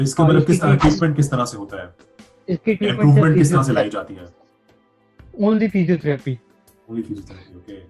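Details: Adult male speaker; ordinary speech.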